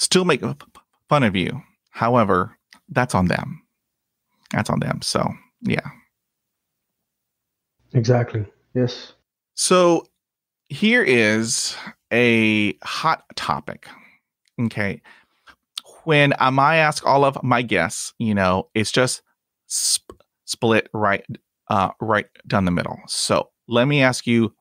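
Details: Adult man who stutters, speaking English as a podcast host; he describes blocks and repetitions in his own speech; stuttering.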